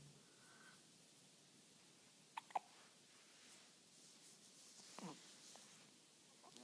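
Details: A 5-day-old newborn boy with hiccups: two short, sharp catches close together and another a few seconds later in a quiet room.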